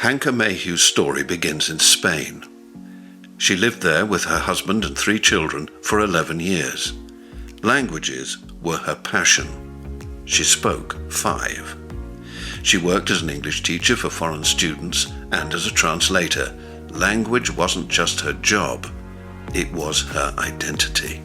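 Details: Adult male narrator; no speech disorder.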